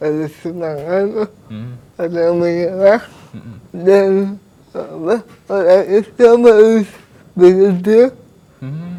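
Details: 22-year-old man with cerebral palsy whose therapy emphasized speech therapy; dysarthria (cerebral palsy).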